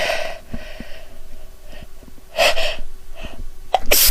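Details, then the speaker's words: Woman sneezing after smelling a French soap that tickles her nose: sharp inward gasps and bursts of sneezing, an ordinary sneeze response to an irritant. "oh my God it tickles almost immediately it's going to make me sneeze"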